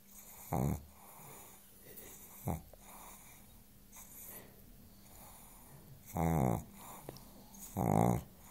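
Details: Pug fast asleep on the sofa: loud rattling snores in irregular bursts between quieter breaths, with a steady hum in the background; snoring.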